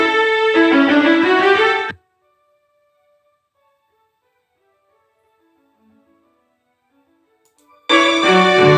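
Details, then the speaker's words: Simulated bilateral moderate-to-severe sensorineural hearing loss applied to classical music, right ear first then left: full music drops to a faint, muffled trace losing loudness, clarity and quality, then returns; hearing loss simulation. "ersion of that music and a similar sense that's what's happening with speech you're losing not just the loudness not just the clarity but the quality of the sound as well"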